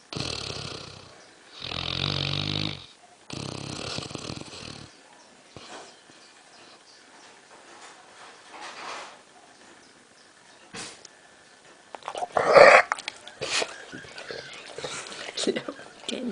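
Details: Black Labrador about 11 months old, deeply asleep on a settee after an afternoon of swimming: loud rasping snores with noisy breaths and snorts, some handling noise; dog snoring.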